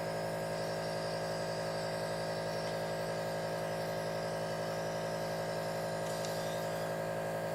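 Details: Steady mechanical hum and buzz of a compressor nebulizer running throughout, delivering an inhaled bronchodilator breathing treatment for an adult's asthma attack. Nebulizer running.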